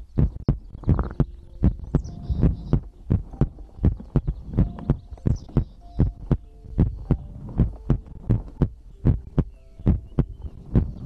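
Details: ASMR recording of a heartbeat with breathing, from a livestream compilation: regular soft thudding heartbeat near 80 beats a minute over a quiet hum; normal rate and rhythm, normal heartbeat.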